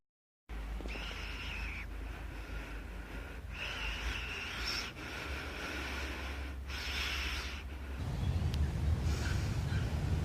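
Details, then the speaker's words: Person one month after nasal surgery, still finding nasal breathing hard and painful: repeated noisy, hissing breaths in through the nose with a congested, restricted sound; stuffy nasal breathing from nasal obstruction. "You can still hear like stuffiness, even though it doesn't really feel. Yeah, you can still hear a little bit."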